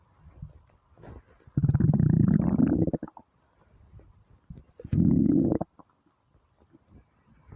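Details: Hunger stomach rumbling (borborygmi) on a starving stomach: two long, low gurgling growls with faint bubbling between; a normal finding.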